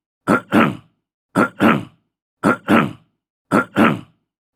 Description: Description: Throat clearing sound. Clear throat, short, male, fifty year old.